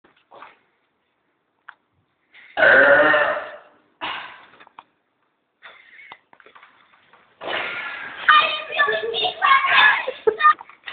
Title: Best Burping part 2